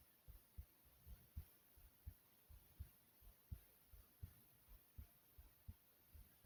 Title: My Heartbeat Sound ❤